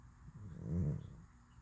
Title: Cat snoring in deep sleep!